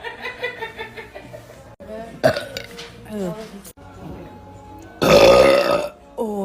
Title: Girl Releasing Seductive Deep Burps (Compilation)